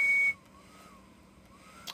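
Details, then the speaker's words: Brief electronic beep, then a faint rising and falling whine as a Hamilton ventilator ramps up during the pre-operational flow sensor check of circuit setup. "we can't turn the flow sensor without having this so you hear the ventilator ramp"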